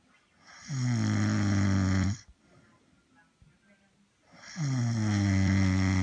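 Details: Replayed snoring sound bite from a Dubsmash lip-sync compilation, not live sleep: loud, long, deep rattling snores with a pause between them; snoring.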